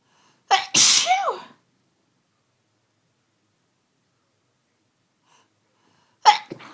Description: captured some sunday evening sneeziness that has just overcome me in the last hour.....